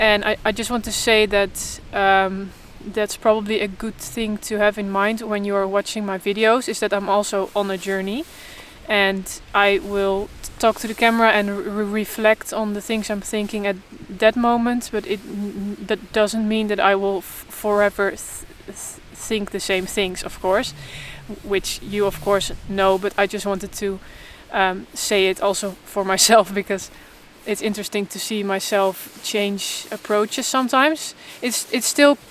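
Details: Adult woman who stutters openly but in a controlled way while trying to avoid stuttering, in stuttering therapy for the first time; stuttering.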